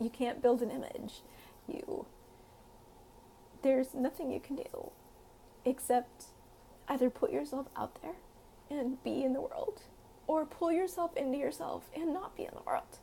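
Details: Woman with self-reported spasmodic dysphonia, not confirmed by laryngeal scope but described as widely confirmed; spasmodic dysphonia.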